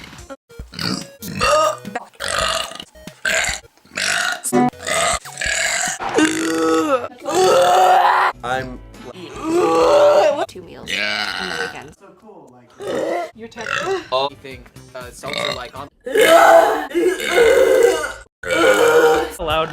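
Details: Compilation of one person's burps: a rapid run of loud, drawn-out voiced belches one after another, some over music; repeated burping.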